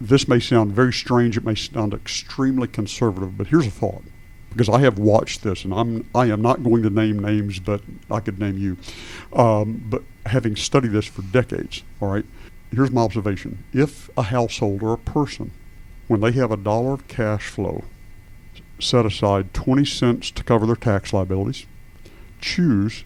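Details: Adult man speaking; Normal adult male speech.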